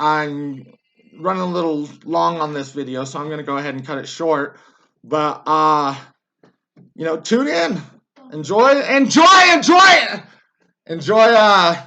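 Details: Adult man with Tourette syndrome whose tics are worse than usual because recording feels like being out in public; vocal tics with word repetition (Tourette syndrome).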